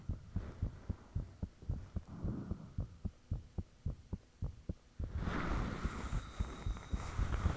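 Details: Own heartbeat recorded with the fan off, shortly after it became unusually thumpy: clear, fast paired thuds at about 110 a minute with audible valve sounds, then a louder rushing noise toward the end; heart sounds.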